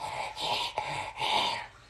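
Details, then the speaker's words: Girl almost 11 months old with a cold caught over the last week, with congestion and a runny nose: two noisy, snuffly, hissing congested breaths. Nasal congestion. "She got Dada's cold over the last week and has a little congestion, and her nose is running a little bit, and her breathing sounds a little bit, I forget what the term is, but you can hear it in her breathing that she's like,"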